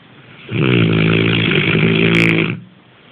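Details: One loud, sustained, buzzing snore of about two seconds with a steady low rumble; snoring.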